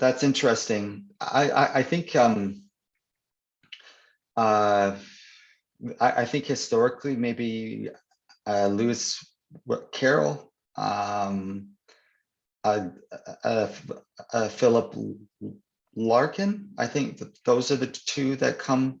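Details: Stuttering (stammering) in an adult man who stutters, real conversational speech, with word and phrase repetitions.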